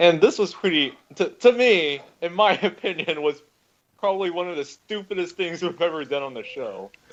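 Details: Adult male speaker; normal speech.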